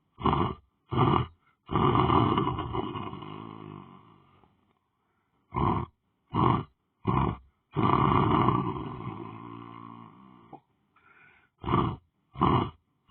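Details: Heavy snoring from a person lying on the floor asleep: loud, rough, roaring breaths, irregular, some long and drawn-out with short bursts between.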